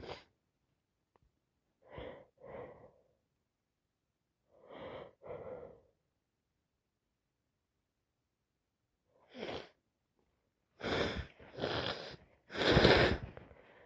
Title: Allergies in full , just bought some flowers and can't stop sneezing